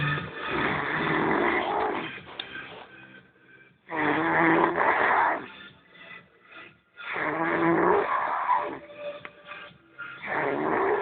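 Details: Harsh, rough snoring in repeated bursts, about 18 a minute, with quieter gaps between; the recording sounds muffled.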